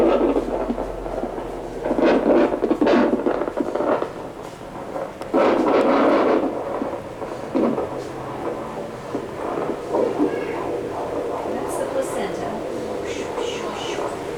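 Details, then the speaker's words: Normal fetal heartbeat on a handheld Doppler moved over a pregnant woman's belly: rapid whooshing pulses with static. Her legs are noted to be swollen. "So, but we heard the baby's heartbeat, and that's what we wanted to hear."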